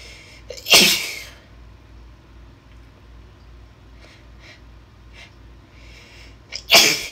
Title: Inducing my Cold Sneezes (F) With Noseblows